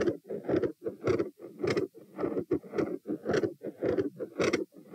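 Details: Stress-test auscultation at the tricuspid (T) position after knee-bend exertion: loud, fast heart sounds near 110-120 beats/min, with intensity rising from quiet to very loud, S2 split and extra sounds.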